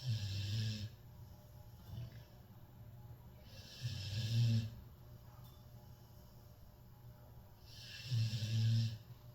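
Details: Cane corso, a large dog, snoring loudly while asleep: deep rumbling snores, about three in nine seconds, each paired with a quieter airy breath.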